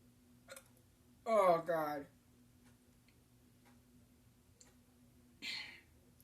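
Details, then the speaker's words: Sudden short voiced gulps, some with a sharp catch, a few seconds apart in a quiet room, while the person complains they can't stop: repeated hiccups. "Oh, God. I can't stop. I can't stop the hiccups, man. Oh, my God. I can't even stop."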